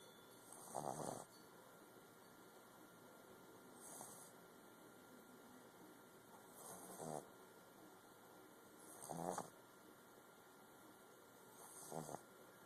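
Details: Young Boston terrier dog snoring: five regular short, raspy snorts, roughly 24 a minute, over a steady background hum.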